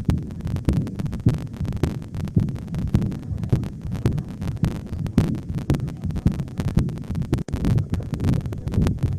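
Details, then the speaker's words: Mitral regurgitation heart sound in a nursing physical-exam teaching demonstration: a rapid heartbeat around 105 a minute with a continuous blowing murmur through each beat, blood leaking backward through the mitral valve. "jadi disini jantung itu mengalami kesulitan untuk memompakan darah melalui katup nya hingga yang harusnya dia keluar ke paru-paru Jadi kemungkinan nanti bisa balik lagi ke jantung"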